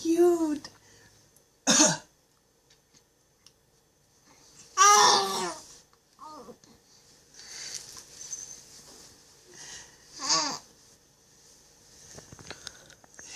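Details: A 4½-month-old infant gives a few short, deliberate fake cough-like bursts, imitating daddy, mixed with soft babbling in a quiet room: voluntary (fake) cough.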